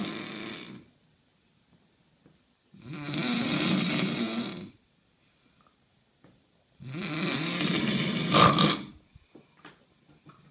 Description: My husband citron down some serious logs